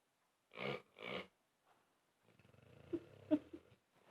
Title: Toby snoring